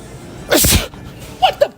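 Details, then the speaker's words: A single loud, explosive sneeze-like burst performed at a stranger as a prank, followed by brief sounds; an acted, deliberate sneeze. "You just sneezed on me. No, I did not."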